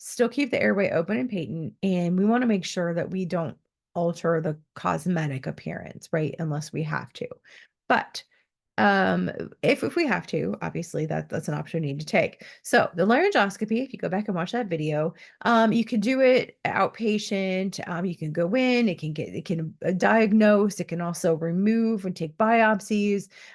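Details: Adult woman speaking; typical speech.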